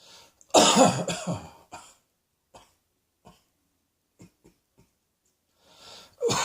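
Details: A loud harsh cough burst, a few faint breaths and clicks, then the start of another cough.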